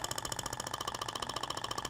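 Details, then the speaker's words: Thork Ibramed shockwave therapy applicator held at 90° to the skin and fired with the handpiece button, on a patient's abdomen: rapid, even rattling pulses, around fourteen a second. "posiciono o aplicador sei se dá para todo mundo visualizar na imagem a 90° e nesse frio e o disparo"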